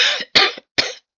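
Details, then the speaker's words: Cough from an adult woman who says she still coughs at times and that it hurts when she coughs. "Alors, vous voyez, je tousse encore par moment puis ça fait mal quand je toe."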